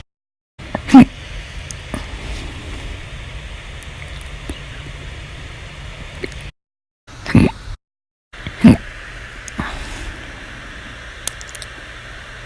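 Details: Compilation of hiccups recorded 8/1/19 to 8/31/19, described as violent, loud or silent, audio only: three sharp isolated hiccup sounds over steady background hiss, with fainter clicks between them; hiccups.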